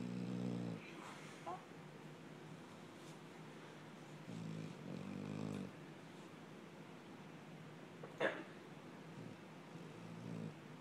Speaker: My dog's snoring like a man.